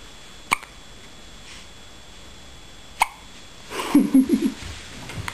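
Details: Hiccups: two sharp, brief gulping clicks about two and a half seconds apart, then soft fussing vocal sounds.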